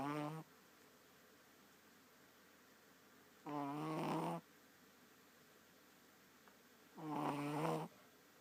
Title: Booz Snoring